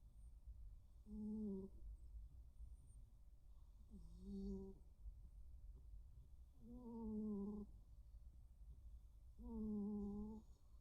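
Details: Snoring from two sleeping rescue pet cats, including a tuxedo: four slow, tonal, whistling snores at about 22 per minute, each drawn out and slightly wavering, over low room hum.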